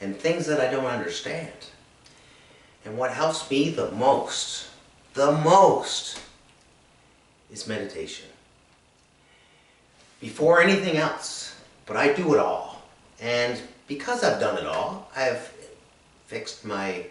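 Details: Adult male with anomic aphasia, diagnosed three years after an accident causing brain injury and three strokes; reports word-finding, expression and speech-processing difficulties; anomic aphasia.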